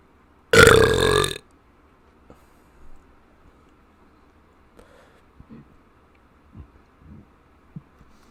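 One loud, long, voiced burp followed by faint small sounds and quiet room noise; an ordinary belch.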